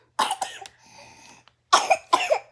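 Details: One-year-old child with cough, congestion and stuffy nose: several short, wet coughs in two clusters, with a stuffy nasal quality between them; cough.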